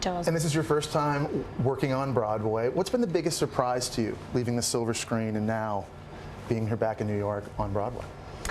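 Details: Adult speaker; normal voice.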